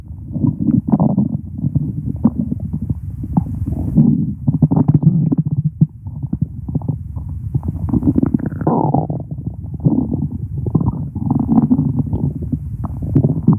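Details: Stomach growling: continuous low gurgling and rumbling from the abdomen, ordinary bowel sounds.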